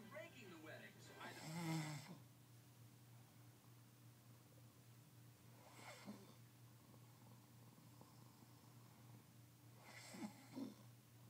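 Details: A sleeping man snoring: rough, snorting snores about every four to five seconds over a steady hum.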